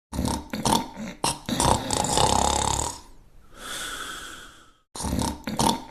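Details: Snoring while asleep: loud, rattling snorts and snores with a whistling, wheezy exhalation; noisy breathing in sleep.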